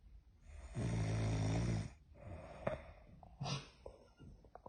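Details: Person in deep sleep: a long, loud, rattling inhaled snore, then softer noisy breaths and a brief snort; snoring.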